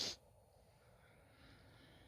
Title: Merry Christmas Sneezes (f)